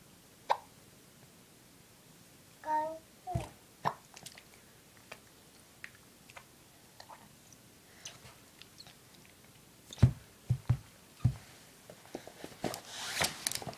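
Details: A young girl with hiccups: several short, sharp hiccup sounds at irregular intervals in a quiet room, with a brief child vocalization.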